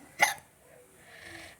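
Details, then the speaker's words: Person hiccuping while being filmed: one brief, sharp hiccup sound followed by faint background noise. "You're hiccuping."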